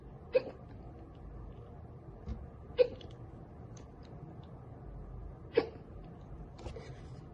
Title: Girl gets hiccups from soda.